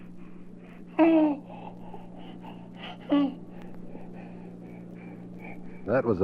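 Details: Normal infant vocalizing, from a 1967 recording of baby sounds for expectant and new parents.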